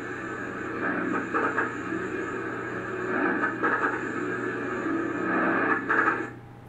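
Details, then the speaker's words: Coarse crackles heard on lung auscultation: low, bubbling crackles recurring with each breath over a steady background hum; similar to fine crackles but coarser, may indicate pulmonary edema, pneumonia or pulmonary fibrosis. "temos também os grossos basicamente é quase o mesmo som só porque ele vai ser um pouco mais grosso ele também pode me indicar muito tá edema pulmonar pneumonias e fibrose pulmonar"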